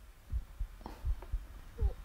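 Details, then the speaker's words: Own heartbeat recorded with a microphone held at the cardiac apex: regular paired low thumps, about 80 a minute, with background hiss and faint room noise. "so the track starts quite literally with my heartbeat i took a microphone and put it to the apex of my heart there"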